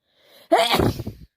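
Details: A brief indrawn breath, then one sharp, explosive sneeze, on day 5 of a cold.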